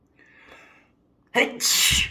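A quiet breath in, then a sharp, loud, hissing burst of air: a single sneeze.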